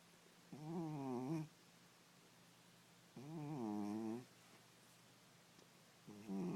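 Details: Sleeping cat snoring: rhythmic, buzzy, slightly musical snores, one every few seconds at about 21 breaths a minute, with quiet pauses between; typical snoring.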